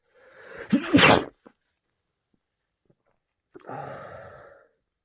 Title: More various cold sneezes